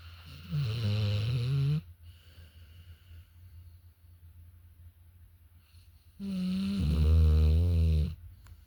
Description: Sable snores, so loud! Hahaha!